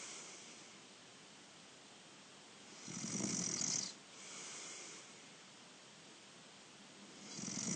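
Hissing, rasping breath noises during sleep, with quieter gaps between them and steady room hiss: snoring.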